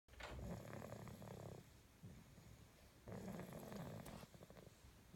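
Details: Snoring during sleep: two rough, fluttering in-breaths over about five seconds with quieter out-breaths between; snoring.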